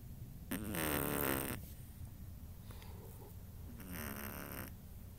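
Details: Chihuahua snoring: two raspy, buzzing snores about three seconds apart with a quieter breath between; ordinary snoring in a small dog.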